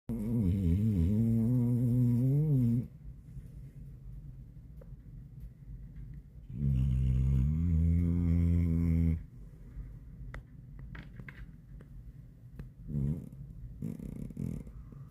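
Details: Deep, buzzing, vibrating snores on two long breaths about six seconds apart during deep sleep, with quieter breathing and small stirrings between; snoring.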